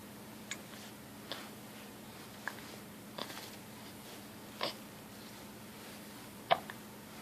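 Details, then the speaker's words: Infant hiccups: soft, brief hiccup catches recurring about every second over a steady background hum; ordinary baby hiccups. "Hi, baby. Hi. Got the hiccups?"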